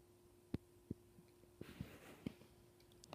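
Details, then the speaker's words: Hiccups in a small Cavalier puppy: short, sharp, low hiccup jerks about every third to half second, with a steady hum in the background. "has the hiccups. Odie's has the hiccups. I didn't really know that dogs could get hiccups."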